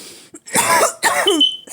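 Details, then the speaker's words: Adult coughing while sick and recovering: a brief throat sound, then two harsh, wet-sounding cough bursts close together in a quiet room. "So today I'm just gonna be doing daily journaling. As you can see from my coughing, that is the topic."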